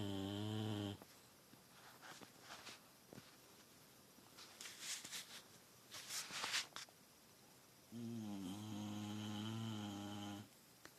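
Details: Two loud, fluttering, tonal snores from a sleeping bulldog, with quieter snuffling breaths between them.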